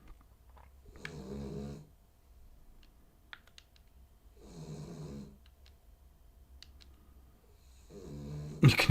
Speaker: can hear the puppy snores now it's getting louder